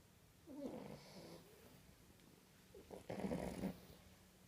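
Soft snorting snores from sleeping puppies, overlapping and a little irregular; snoring typical of flat-faced dogs.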